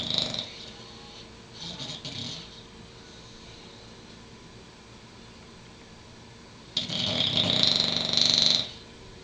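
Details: Two soft, snuffly snores with a whistly edge, several seconds apart in a quiet room, during sleep; the snoring is often much louder than this.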